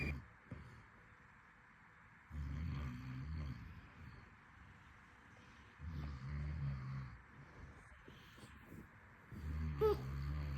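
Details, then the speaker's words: A father snoring at 1 a.m. while his toddler sleeps beside the mother: low, rough, rattling snores every few seconds, about 17 a minute, over quiet room noise and soft rustling. "इसके पापा की खर्राटे की आवाज़ तो अब सुन ही पा रहे हैं, और आपने देखा ये बस मेरी आवाज़ सुनकर ही रिलैक्स होता है।"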